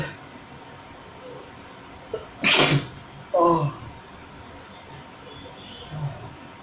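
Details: Self-provoked sneezes, homemade recording: two loud sneezes about a second apart against steady room noise, deliberately induced but sounding like natural sneezes.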